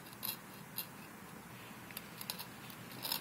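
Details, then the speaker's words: Simulated dental hygiene demonstration, operator at 8 o'clock scaling the lingual surfaces of the lower anterior teeth with indirect mirror vision and a fulcrum: faint scraping and small clicks from a hand sickle scaler. "Okay, so now I'm fulcruming again off of the close but not right up on the surface I'm scaling, and I'm doing the lingual, looking down in my mirror."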